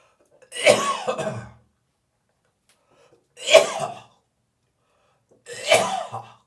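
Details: Three harsh, dry, hacking coughs a few seconds apart with a throaty rasp during a coughy morning, with gagging and spitting; dry cough.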